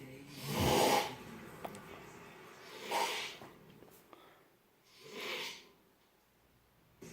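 Three loud, hissing, snorting breaths about two seconds apart, with soft gurgling, a noisy snoring pattern.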